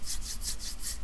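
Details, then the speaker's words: Repeated coarse, scratchy rasping bursts like sandpaper rubbing: a pleural friction rub as the pleural membranes grate together when pleural fluid is reduced, linked to pleurisy with chest pain on deep breathing. "when we have a decrease in Pleural fluid we can have the pleural membranes rubbing against each other and it's kind of like rubbing sandpaper together it's very irritating"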